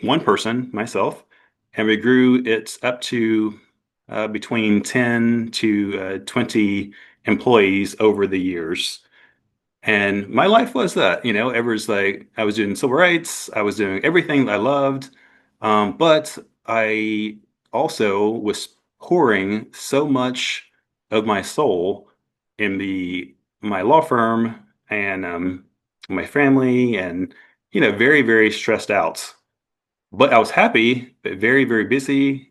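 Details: Adult man who had a stroke at 41 with no warning. His aphasia began as global, then Broca's, and is now milder; he also has apraxia of speech. Finding: aphasia with apraxia of speech.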